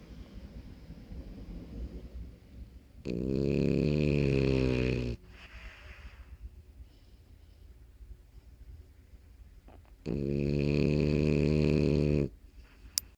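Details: 5-month-old French Bulldog puppy sleeping gives two loud, rattling snores about seven seconds apart; brachycephalic dog snoring.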